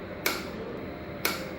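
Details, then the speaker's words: Ultrasound-guided ESWL in a 3-year-old boy with a 9 mm radiolucent right renal pelvis stone: sharp shock-wave cracks about one per second over steady machine noise, 269 waves delivered so far at 60 per minute, medium energy, generator head fully inflated. "we have delivered 269 waves so far with a frequency of 60 per minute"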